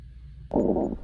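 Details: A quiet moment in bed gives way to a brief, loud gurgling rumble of stomach growling (borborygmi), ordinary bowel sounds.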